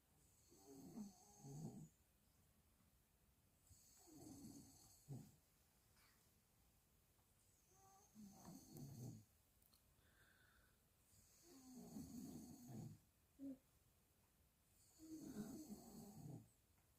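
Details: Deep, rattling snores on each breath in, about 17 a minute, in a quiet room, from a father whose snoring keeps a newborn baby awake; adult snoring.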